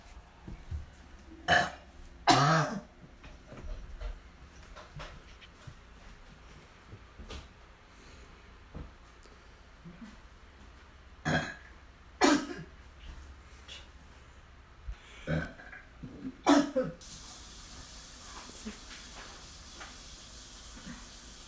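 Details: Repeated harsh, gagging throat bursts with wet, effortful retching sounds from a person who is puking and coughing over the bathroom sink; vomiting.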